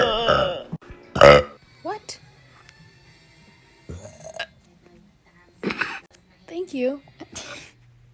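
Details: Several loud, voiced burps from different girls in a TikTok compilation, with brief talk and music in the background; one remarks she can't burp easily and it's a slow process.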